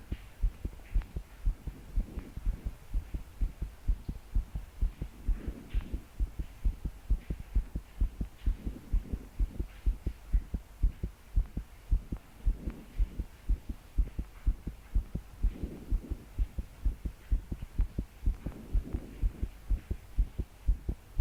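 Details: Pounding heartbeat in a 22-year-old woman trying to sleep, body shaking with each beat: strong, fast, regular thumps with slow breaths, over rain.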